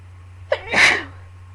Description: i couldnt get some of these sneezes out lol sorry they took so long!